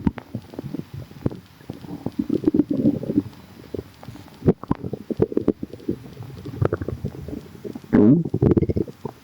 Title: noisy tummy | stomach rumbling